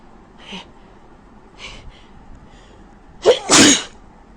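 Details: Woman with a very bad cold and blocked nose, in a sneezing fit: soft sharp inhalations, a catching breath, then a loud explosive sneeze in a run of sneezes.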